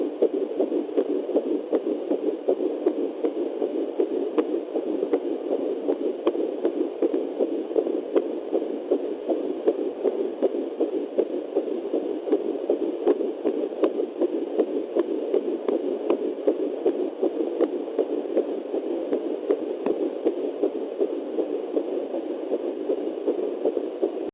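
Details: Fetal heartbeat at 9 weeks of pregnancy on a fetal Doppler: rapid, regular whooshing pulses through steady Doppler hiss, about 158 beats a minute.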